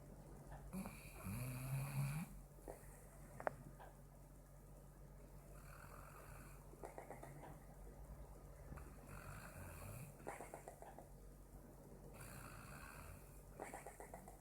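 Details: Sleeping pit bull: repeated low, rattling snore sounds with each breath, faint room noise; snoring.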